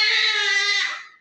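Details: Newborn female baby just delivered by LSCS (caesarean), described as healthy, covered in blood clots: a single loud, clear, high-pitched cry fading at the end; a strong, vigorous newborn cry.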